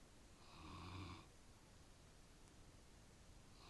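One low, rumbling snore from a sleeping dog, followed by quiet breathing and room noise.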